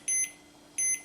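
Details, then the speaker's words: Automatic upper-arm blood pressure monitor (90X2) measuring during cuff inflation, heart icon showing: two short high beeps about 0.7 seconds apart over faint hum, one per detected heartbeat; systolic result 117. "voilà les bip qu'on entend ça correspond on a pulsation cardiaque"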